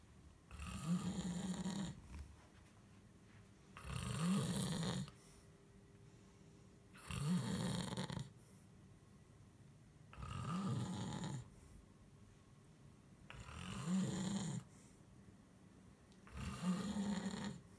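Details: Snoring, from a recording of a husband and a cat who both snore: deep, rough snores on each breath in, about 19 a minute, with quiet pauses between them in a small room.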